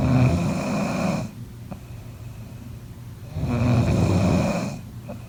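Two low, rattling snores on inhalation, separated by quiet exhalation, at roughly 17 breaths a minute.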